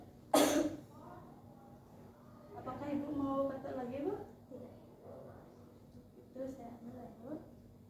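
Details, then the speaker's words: Acted effective-cough training: patient with cough and difficulty bringing up sputum inhales deeply, holds 1–2 seconds, then gives one sharp forceful cough, followed by quiet talk; yellowish thick sputum reportedly produced. "Sekarang ibu menarik nafas dalam dan tahan 1-2 detik lalu batukkan dengan kuat ya, Bu."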